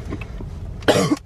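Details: Adult man with an acute illness, caught from his partner: one harsh, forceful cough burst after quiet room sound, a strong cough.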